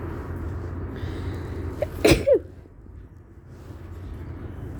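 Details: Allergy sneezing in a female at an outdoor bus stop: a short intake, then one sharp, muffled sneeze with a small voiced tail over traffic rumble. She is deliberately quieting sneezes during high tree pollen levels.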